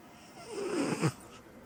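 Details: Female cat sleeping deeply after hard play, snoring: a single soft, snorting breath with a low rattle.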